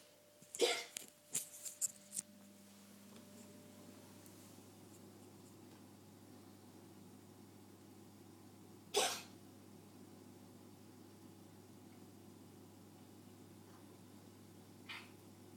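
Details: Cat coughing in a human-like way: a cluster of short, sharp cough-like bursts, then a single later burst.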